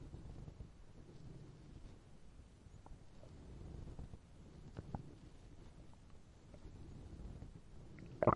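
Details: Hungry stomach growling sound effect: low, drawn-out rumbling with brief gurgles and squelches, ordinary borborygmi.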